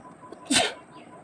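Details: A single sharp, explosive sneeze with a quick intake before it, over quiet room noise; induced by twisting a sari end in the nose during a sneezing challenge.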